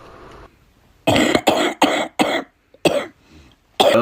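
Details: Harsh coughing fit of about six forceful coughs in quick succession, with brief breaths between them, recorded during a video game session.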